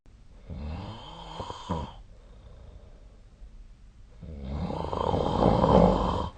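Two loud, rough, rattling breaths separated by a quiet pause; snoring during sleep.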